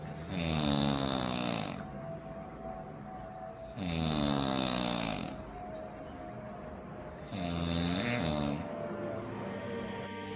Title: Post Traumatic Snore Disorder